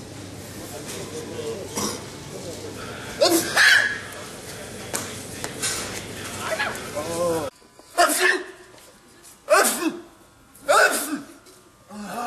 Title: Funny Sneezing